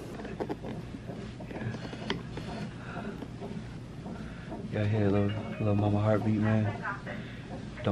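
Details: Fetal heartbeat on a monitor during a hospital labor check at nine months of pregnancy, later called a false alarm: a rapid galloping whoosh-like beat of about 140 a minute with a voice over it.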